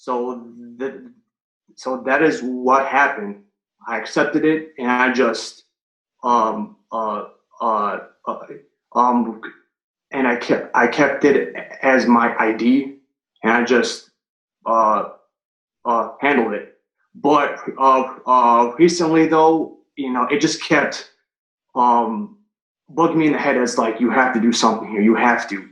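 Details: Adult man who has stuttered since third grade, recorded before starting a stuttering coaching program; stuttering heard as fillers and a stalled phrase.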